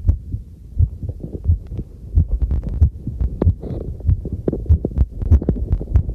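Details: Own normal heartbeat recorded with a homemade field stethoscope microphone during housework: muffled regular beats at roughly 70–80 a minute under rumbling movement and household noise.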